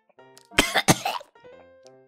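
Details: Acted, voiced cartoon sneeze of a dragon character after being handed a flower bouquet, comedy comic dub: two loud, harsh explosive bursts with a coughing quality over background music.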